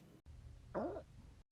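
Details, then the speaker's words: Retrograde cricopharyngeus dysfunction (inability to burp), typical after dinner: brief, low, strangled, moaning gurgle rising and falling in pitch as air seeps out past the tightly closed cricopharyngeus muscle. "because this muscle right here is so tightly closed air makes a noise when it seeps out think of it like when you hold the end of a balloon you'll get these really weird sounding noises as the air passes through the muscle"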